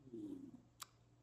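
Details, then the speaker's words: Adult's brief, quiet, low gurgling rumble of ordinary stomach growling (borborygmi). "and there's my tummy growling I hope you can't hear that"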